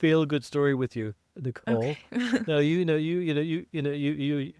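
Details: Adult man who identifies as a person who stutters, with blocks and prolongations, speaking in an English podcast conversation; stuttering.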